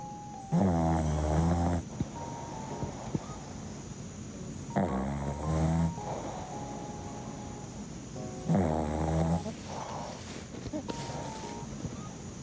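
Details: Dog snoring: three loud, rattling snores on the in-breath, roughly 14 a minute, with quiet breathing and faint room noise between.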